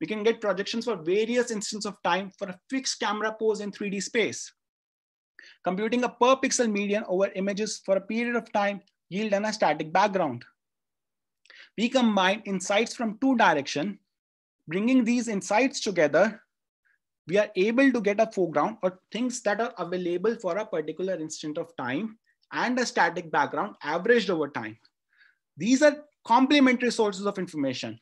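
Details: Adult speaker; ordinary speech.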